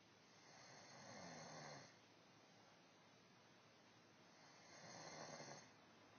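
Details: A woman snoring, though she claims she doesn't: two long, rough, rattling snores on the in-breath, about four seconds apart, over steady background hiss; ordinary adult snoring.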